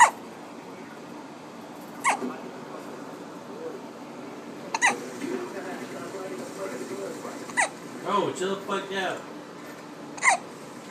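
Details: Infant hiccuping while his father plays a video game: brief sharp catches every two to three seconds over room noise and faint game sounds.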